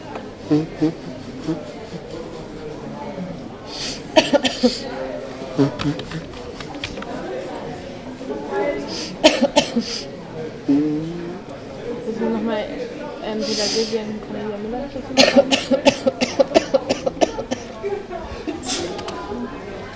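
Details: Acted cough in a public-space performance-art piece: three short bursts of coughing above street chatter and background talk; cough.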